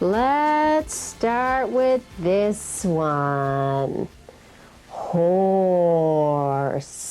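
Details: Adult female clinician; fluent adult speech.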